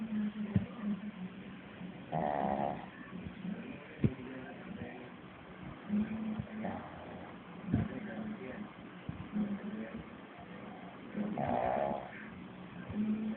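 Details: Female pet dog, whose snoring is louder than a man's: slow, rough snoring breaths with a low fluttering rattle on several breaths, faint room noise; snoring.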